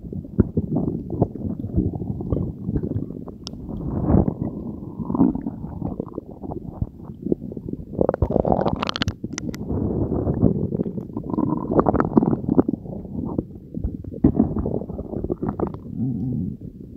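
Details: Continuous low gurgling and bubbling rumbles with a few louder squelching surges from the belly after Diet Coke and Mentos were swallowed together, recorded as ASMR; bowel sounds (borborygmi).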